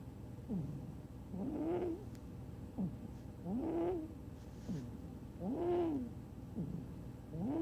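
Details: Sleeping cat snoring with a loud, rhythmic, whistling, squeaky snore, a short note then a longer rising-falling tone on each breath, about 28 breaths a minute.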